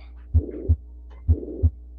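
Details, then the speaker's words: Stable male patient, 100% saturation on room air, diminished breath sounds without crackles, no palpable apical impulse: steady blowing murmur filling all of systole between heart sounds, a mitral regurgitation murmur. "so great that you you identified that it's a systolic murmur and this one um it was actually a mitral regurgitation murmur"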